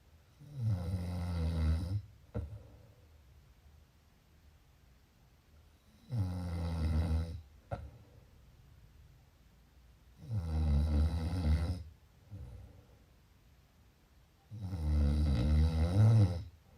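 Loud, low, rattling snores on each breath in, about 13 a minute, with quiet pauses between them: snoring during sleep.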